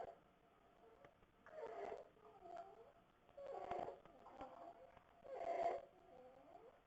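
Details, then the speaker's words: Sleeping child with croup: harsh, high-pitched crowing noise with each breath in, about 30 breaths a minute; inspiratory stridor. "so this is inspiratory Strider so this is a kid with croo who's sleeping and you can hear the difference that"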